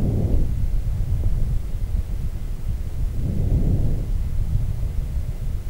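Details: Quiet, soft rustling breath sounds heard through a stethoscope on the chest of an adult male patient breathing deeply in and out through his mouth, with a low rumble; normal vesicular breath sounds.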